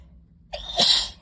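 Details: Sneeze: a short indrawn breath, then one loud explosive sneeze, deliberately triggered by inhaling dust from books in someone with pollen allergy symptoms.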